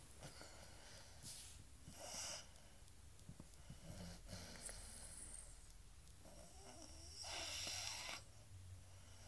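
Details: Quiet, noisy sleep breaths with a few breathy rasping snores over room hiss; light snoring.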